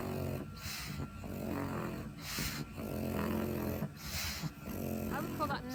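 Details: Loud, rough snoring noise on each fast breath, mixing nasal snorting with a low soft-palate flutter: stertor in a flat-faced dog with brachycephalic obstructive airway syndrome.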